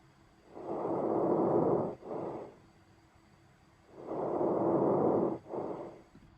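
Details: Lung auscultation in which breath sound is heard throughout inhalation and through the first half to two-thirds of exhalation before fading away: normal vesicular breath sounds.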